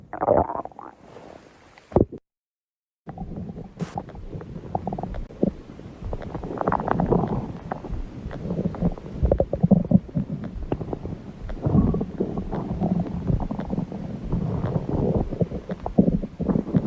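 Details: Long, low gurgling and rumbling from the belly with bubbly pops, after a brief gap; ordinary stomach growling.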